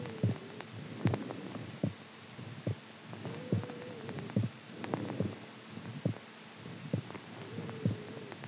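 Low, steady thumps at about 71 beats a minute, with a soft hum behind them; an ordinary heartbeat.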